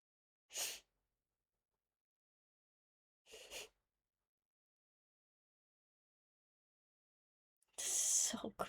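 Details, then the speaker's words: Adult woman who says she is sick, can't stop coughing and her lungs hurt, coughing during a livestream: two brief, sharp, airy coughs a few seconds apart, then a longer breathy burst in a quiet room. "Except for I'm sick. But we don't have to talk about that cuz you'll hear it. I can't stop coughing."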